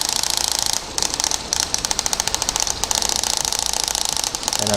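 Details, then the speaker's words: Shock wave therapy for plantar fasciitis, using a flat 15 mm linear head moved over the sole of the foot: rapid, sharp, regular clicking pulses with brief pauses as the shock wave device fires. "very very simple linear because it's flat and the energy will actually go straight into the skin and you'll see how quick the treatment is"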